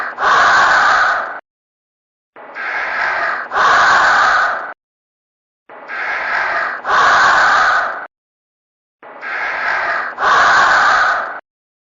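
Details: Edited, repeated snoring while sleeping: loud, regular, rasping snore breaths, about 18 a minute, each with a two-part intake and silent pauses between.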